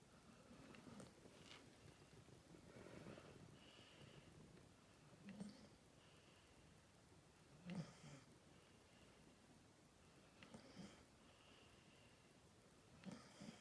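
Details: Staffordshire terrier Masha asleep: soft, irregular snorting snores roughly every two to three seconds over quiet room noise; snoring.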